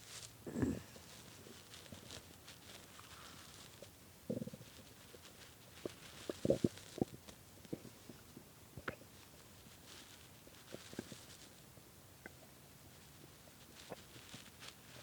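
Soft, irregular gurgles and brief rumbles over quiet room noise, typical stomach growling from hunger.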